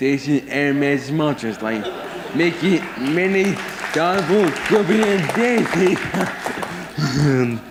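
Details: Man with severe autism whose mother warns that most of his speech will probably not be understood; speech impairment in autism.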